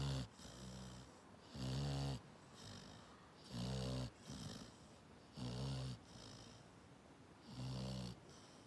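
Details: Sleeping springer spaniel snoring: regular low snores about 31 a minute, each inhaled snore followed by a softer, airy breath out.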